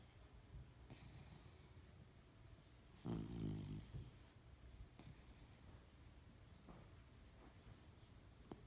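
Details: Dog snoring: one loud, rattling snore in a quiet room, with faint breathing noises around it.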